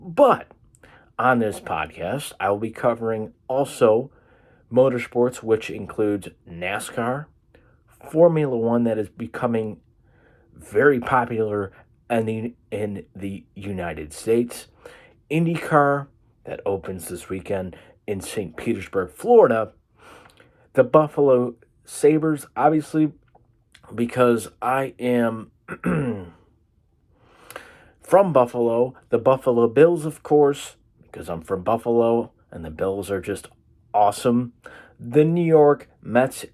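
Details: Stuttering (speech disfluency) in a man with cerebral palsy, which he says causes the stutter.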